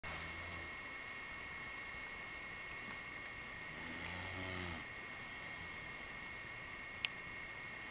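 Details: Ordinary snoring: quiet low snores over steady room hum, the clearest a short rattling snore midway.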